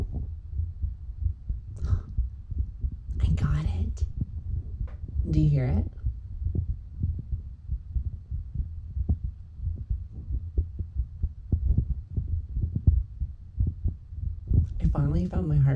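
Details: Own heartbeat heard through a stethoscope with a volume adjuster: soft, regular low thumps, partly masked by rubbing noise from the tubing, whispers and music.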